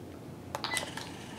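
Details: A few quick electronic key beeps and clicks in a quiet room as a Sigma Spectrum infusion pump is programmed and run to start an IV alteplase loading dose over 1 minute for a 75 kg patient; infusion pump keypad beeps.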